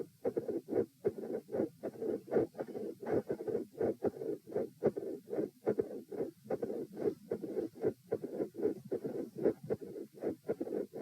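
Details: Heart sounds recorded supine at position E: regular rhythm near 75 a minute with an intermittently split S1, a mid-systolic murmur and a murmur at S2.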